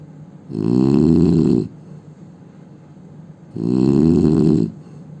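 Two loud, rough, rattling snores on breathing in, separated by quiet breathing out; ordinary heavy snoring.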